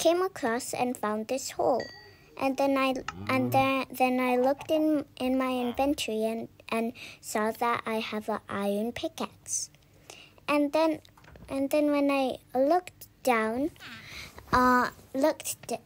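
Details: Speaker who self-reports stammering, with word and phrase repetitions; stammering.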